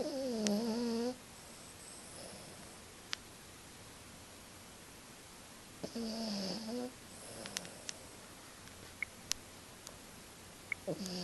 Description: Peke-a-poo "Madden" is a heavy sleeper snores as loud as our 95 lb bullador